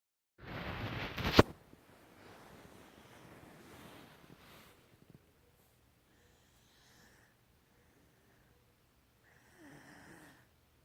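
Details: Light snoring recorded 10/27/16: a loud snort, then soft rough breathing and faint, quiet snores.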